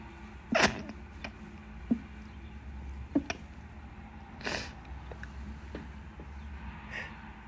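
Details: Several wet sneezes, some sharp and some stifled or muffled, with soft breaths between, during heavy pollen season with an itchy nose; allergy-type sneezing.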